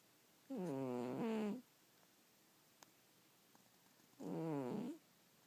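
Two long, buzzing, voiced snores about four seconds apart, with quiet pauses between them.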